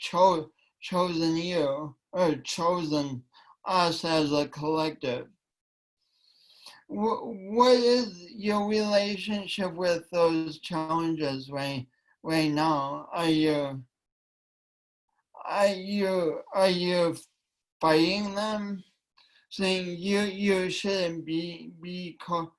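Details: Woman with a long-standing speech impediment affecting her voice and coordination, which she tried to deny for years; speech impediment.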